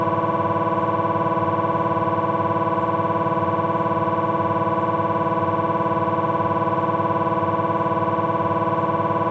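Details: Abdominal MRI on a Philips 1.5T scanner during a T1 fat-suppressed sequence: loud, steady, rapid buzzing and tonal pulsing at about 220 pulses a minute; normal MRI scanner noise.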